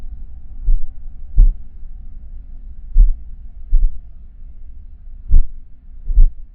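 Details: Heartbeat: deep, muffled lub-dub thumps in three slow pairs, about 26 beats a minute, over a low hum.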